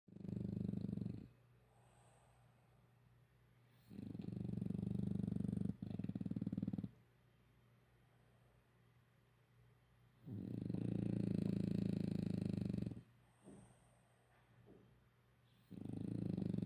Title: 賈霸打呼 Dog Snoring Jabbar